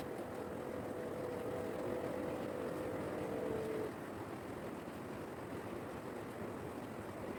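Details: Dr Trust digital talking blood pressure monitor on a person with hypertension, run on power adapter: steady pump hum as cuff inflates, then motor stops and quieter background as reading proceeds.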